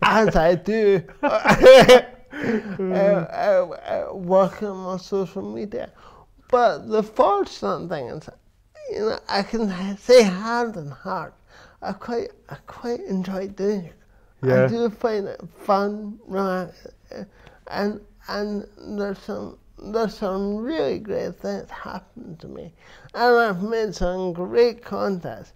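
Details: Adult man with dysarthria from cerebral palsy present since birth, which he says affects his verbal communication, balance and coordination; real speech; finding: dysarthria (cerebral palsy).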